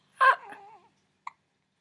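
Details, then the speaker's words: Baby boy with hiccups while looking at a light: a brief voiced squeak trails off, then one short, abrupt hiccup catch. "it's a little video oh look our little man has the hiccups"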